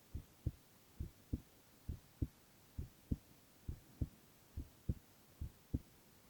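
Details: Boy's heart sounds, ASMR recording: steady paired thumps at about 67 beats a minute in a quiet room; normal heart sounds.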